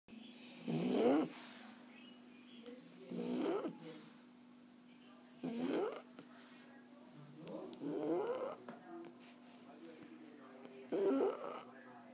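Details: Relaxed, sleeping French bulldog snoring: rattling snores with each in-breath, about five over twelve seconds (roughly 25 per minute), against a steady low hum.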